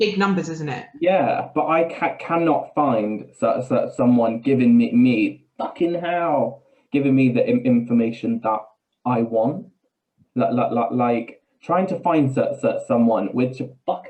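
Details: Man with Tourette's syndrome whose tics are involuntary swearing and blurted phrases in mid-sentence, with a stammer that worsens under stress; real, not acted; vocal tics with coprolalia.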